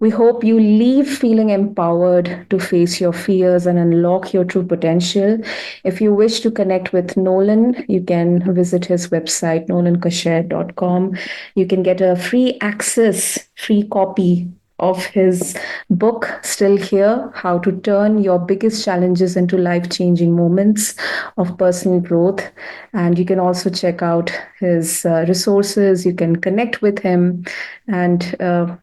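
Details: Adult woman speaking; typical speech.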